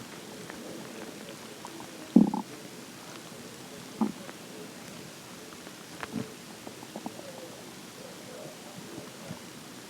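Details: Morning hunger stomach growling: quiet irregular gurgles and a few short rumbling bursts; ordinary borborygmi.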